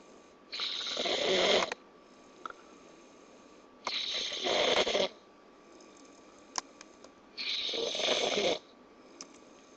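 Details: Adult sleeping, snoring like a chainsaw: three loud, rough snores on inhalation, about 17 a minute, with quiet pauses between.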